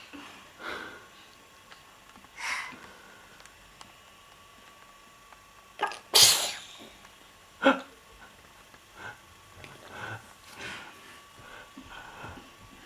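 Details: Young girl with a run of about six sneezes, one very loud and forceful, softer snuffs and breaths between; child sneezing.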